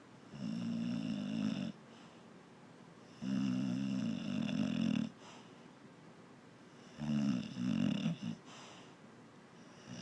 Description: A very big boxer snoring the day away